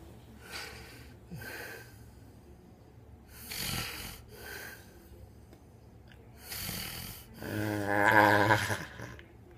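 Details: Adult man snoring in sleep, wearing a snore strip that fails to help: soft, irregular, breathy snores with nasal whistling, ending in a louder rattling snore.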